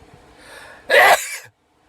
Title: Best of Sneezing Compilation | 39 Sneezes | Videos 1-4